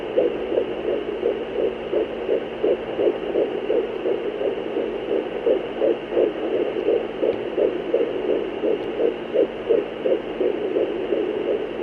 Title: Fetal Doppler Heartbeat